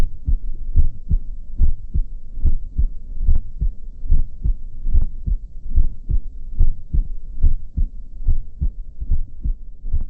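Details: Normal heart exam, stethoscope diaphragm over the aortic, pulmonic, tricuspid and mitral areas, never over the gown: regular paired heart sounds at about 72 beats a minute.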